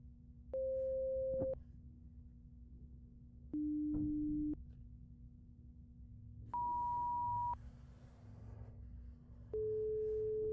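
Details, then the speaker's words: Simulated ASMR roleplay hearing examination with headphones on, pure-tone test starting in both ears: four one-second pure beeps at different pitches, about three seconds apart, over a low hum. "So, we're going to start with the sound in both ears."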